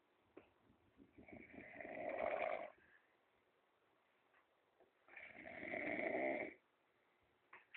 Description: so lazy he just slept on the floor.the bed is right beside him!!! listen to him snore